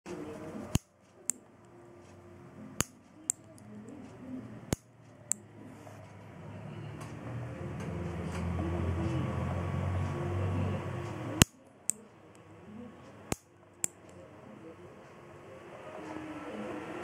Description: Thenar muscle surface EMG activity on application of force on a Piezoelectric transducer.